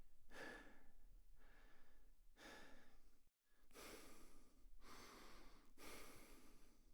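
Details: Sounds of human breathing, sneezing and snoring; here repeated noisy breaths with a low, rough rumble rising and fading in steady rhythm, with a brief silent gap midway: snoring.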